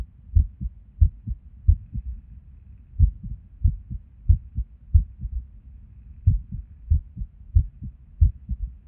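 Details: Resting heart sounds recorded at Erb's point while sitting at a desk, heart often skippy with and without reason: uneven spacing between beats and occasional pauses, an irregular rhythm with skipped beats.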